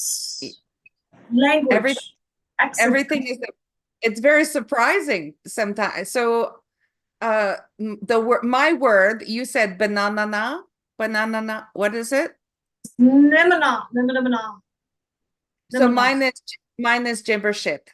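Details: Woman after a stroke who first had aphasia, with loss of numbers and sequencing, and later developed foreign accent syndrome; word-finding difficulty; foreign accent syndrome with aphasia.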